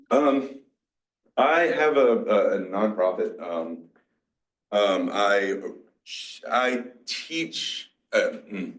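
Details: 47-year-old man with mixed Broca's and Wernicke's aphasia after a massive stroke 6 years ago, with onset in his 40s. He had to relearn to talk. Finding: aphasia (mixed Broca's and Wernicke's).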